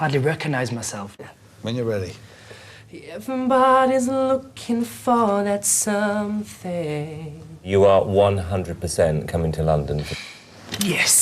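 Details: Man with a stammer introducing himself at the start of an intensive 4-day McGuire Programme course, before learning the technique; word repetitions and hesitations; stuttering.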